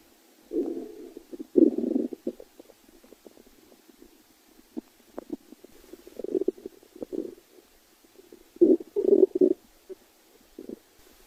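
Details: Irregular low gurgling and rumbling bursts with short squelches and quiet gaps: stomach growling (borborygmi).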